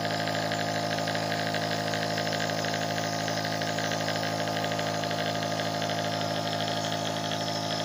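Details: Steady droning motor hum with a fast rattling buzz from a running nebulizer compressor; nebulizer running.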